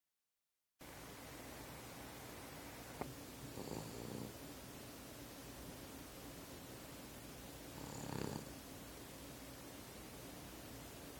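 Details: Sleeping cat snoring quietly: two soft, raspy breathing sounds about four seconds apart over a steady background hiss.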